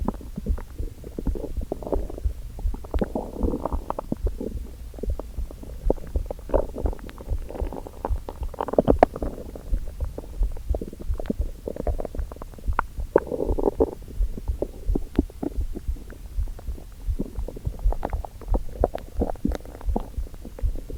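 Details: Empty stomach first thing in the morning before breakfast: low gurgling, bubbling rumbles with irregular clicks and squelches, hunger borborygmi.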